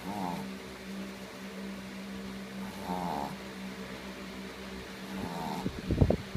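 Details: Sleeping dog snoring loudly: rhythmic, low, rattling snores about every 2.5 seconds over a steady fan-like hum.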